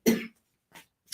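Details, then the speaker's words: Adult male coughing while wearing a headset, heard from across a quiet room: one sharp cough, then a softer second one. "you can hear my partner coughing he's coughing i had to put a headset on him so it doesn't affect the audio on youtube"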